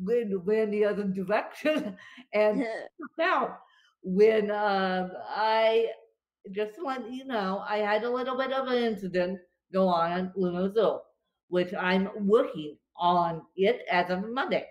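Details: Dysarthria in an adult woman with cerebral palsy, on what she calls a bad CP day brought on by being overly tired or pushed; she was also having a stress-induced asthma attack.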